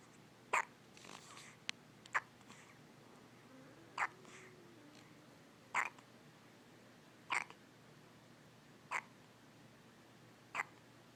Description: Baby has the hiccups.